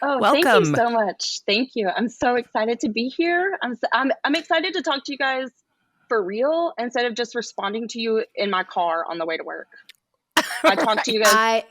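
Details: Adult woman speaking; normal voice.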